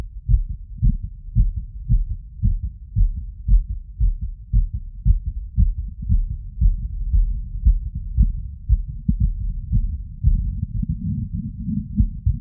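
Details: Wireless stethoscope, diaphragm and bell in all frequency modes over the pulmonic, aortic, mitral, tricuspid and Erb's point areas, standing slightly tilted after a 3 km run: fast, regular heartbeat at 150 bpm with normal heart sounds; exercise-induced sinus tachycardia.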